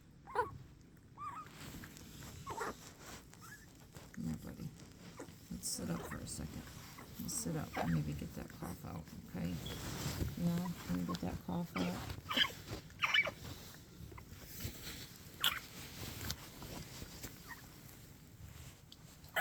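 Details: 11-day-old Cane Corso puppies, from a litter with canine infectious respiratory disease complex (CIRDC), on erythromycin, grunt and squeak with a few brief, weak cough bursts; cough.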